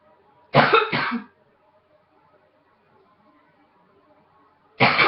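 Two quick harsh coughs, a pause, then the start of another cough: a repeated cough.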